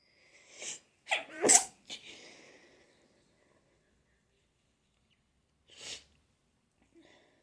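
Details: Sneezing fit with nose blowing, attributed to spring allergies: a rapid run of sharp, hissing sneezes within about two seconds, then a pause and a further short burst.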